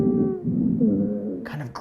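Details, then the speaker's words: Simulated VR asthma patient with shortness of breath, stethoscope over the back at the lower lobes: continuous musical, low-pitched groaning, grunting wheeze on exhalation; inspiratory wheezes also present: expiratory wheezes. "grunting right like I can hear the alveolar sacs having a hard time pushing air out and it's creating that kind of like grunting on the way out he's working lower lobe expiratory wheeze"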